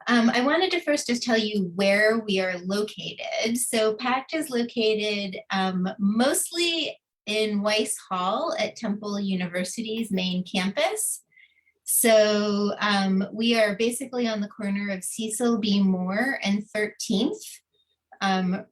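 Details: Adult woman speaking; normal speech.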